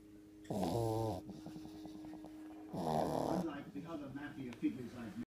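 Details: Sleeping pug, a flat-faced dog, snoring: two loud, rough, fluttering snores separated by quieter snuffling breaths.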